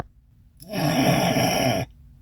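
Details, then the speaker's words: Imitated snore, the second of four demonstrated types: a single snore of about a second with a higher, nasal rattling quality, from vibration in the nasal cavity and palate region, usually linked to nasal structural problems. "你有没有发现它的声音在比较偏上面？这个涉及到鼻腔还有上颚区域的波动，通常是跟鼻子结构的问题有关。"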